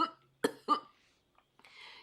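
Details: Adult woman on a phone call chokes mid-conversation: a few short throaty cough-like bursts over the phone line, then faint breathing; coughing.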